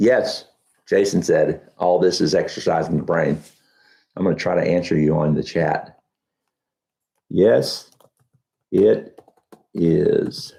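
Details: Adult man with Huntington's disease about 12 years after diagnosis (10 years also stated), reporting that talking has become challenging and that his thinking is less methodical than two years ago; hyperkinetic dysarthria.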